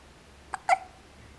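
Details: Baby girl with hiccups: one small, sharp catching sound with a faint lead-in click; infant hiccup.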